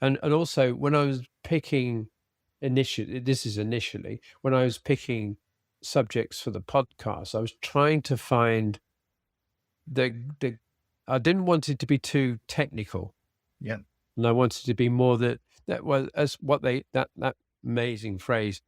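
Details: Aphasia in an adult man following a sudden stroke, treated with speech and language therapy.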